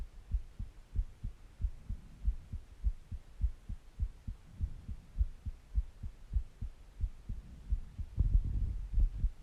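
Steady low thumping heartbeat, about 95 beats a minute, with faint background hum; a normal heart rhythm.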